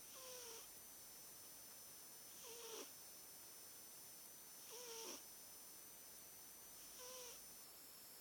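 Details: Sleeping British Shorthair cat snoring: four soft, high, whistling snores, about 26 a minute, over a steady background hiss.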